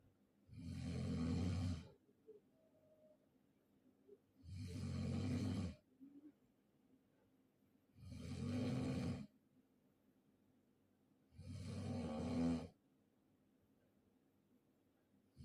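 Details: Person snoring during sleep: loud, rough, low snores on each breath in, about 16 a minute, with quiet pauses.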